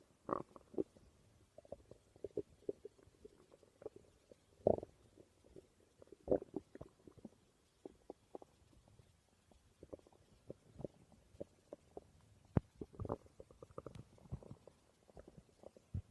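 Scattered gurgles and soft rumbling pops from the belly, ordinary stomach growling from moving gas and fluid.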